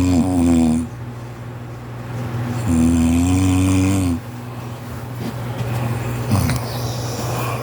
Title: my husband snores so loud 😂